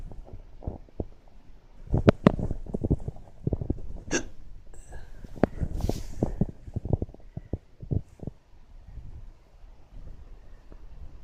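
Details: Rapid soft low jerks and clicks in a dog, irregular and closely spaced; hiccups.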